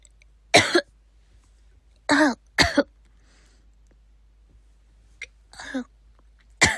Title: my sister coughing 4